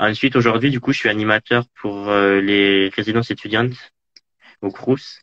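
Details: Man interviewed in French about living with stuttering: stuttering.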